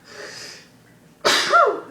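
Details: Sneeze during a challenge to sneeze with eyes open: short indrawn breath followed by one sharp, explosive sneeze.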